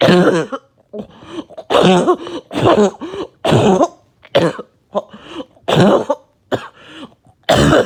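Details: Productive coughing fit after taking medication: loud, repeated wet coughs with gurgling, rattling catches between bursts as really thick mucus breaks up and comes out.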